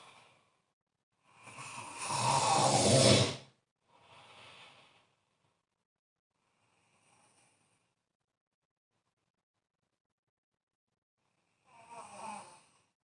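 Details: A loud rasping snore, then softer breaths and a later snore after a long pause; irregular snoring in a quiet room.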